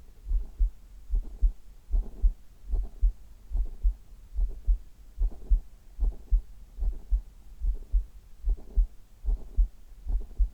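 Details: Adult heartbeat recorded from the chest for ASMR: steady paired lub-dub thumps in a quiet room; normal heart sounds.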